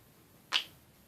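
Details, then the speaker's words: Self-administered knuckle crack before self neck-cracking: a single sharp, crisp pop from a finger joint in a quiet room; knuckle cracking. "I'm gonna try to crack on my neck we'll start out with knuckles"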